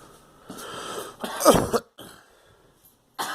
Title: Girl coughing